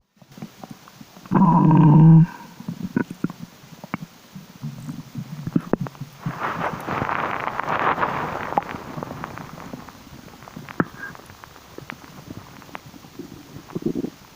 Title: more Strange noises from my Tummy 😳😁💓